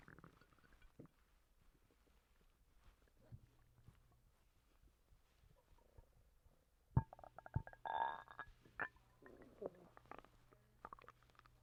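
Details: Person recently sick and vomiting: quiet gurgles and squeaky, rumbling bowel sounds with brief clicks over low background hum; stomach rumbling (borborygmi).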